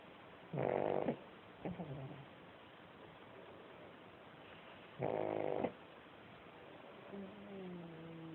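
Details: Pug snoring during sleep: two loud, rattly snore bursts a few seconds apart with a faint snort between, over quiet room noise; snoring.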